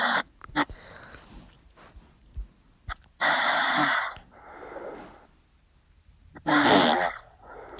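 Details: Harsh, rasping breaths in irregular cycles with loud snorting inhalations and softer exhalations from a sleeping adult friend: snoring.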